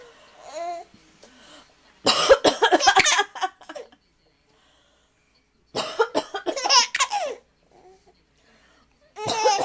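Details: A grandmother's cough: two loud bursts of repeated coughing, several coughs in quick succession each time, with quiet pauses between.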